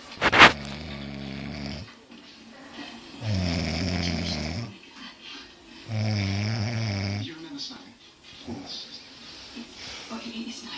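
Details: Person asleep at night snoring: loud, rough, rumbling snores repeat about every three seconds, with quiet gaps and faint room noise between them.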